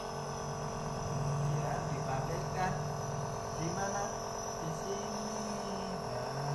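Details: The motor of a nebulizer compressor hums and buzzes steadily during therapy for a child with cough and cold, to ease the throat and thin phlegm, while a woman talks softly over it.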